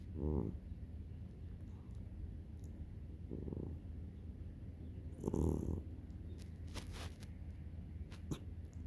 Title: My cat snoring